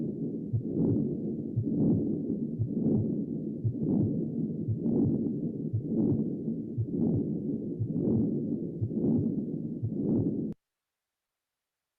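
Continuous rumbling murmur with no silent gaps, swelling once per beat at about 58 a minute: machinery murmur of patent ductus arteriosus.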